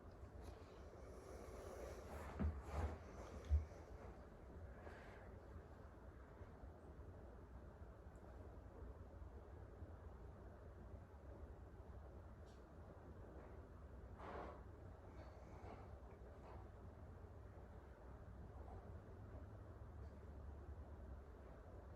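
Quiet stethoscope listening over the abdominal aorta; low steady hum, a few brief thumps, no whooshing bruit.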